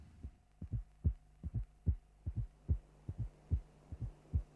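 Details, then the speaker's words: Simulated heart sounds from a cardiac auscultation teaching programme, at about 73 a minute: a soft, low-frequency presystolic fourth heart sound (S4 gallop) just before each first sound, then the second sound, over a steady background hum. "now concentrate on the first and listen to the presystolic fourth sound bopup bopup it is never a loud feature and to hear it always demands concentration"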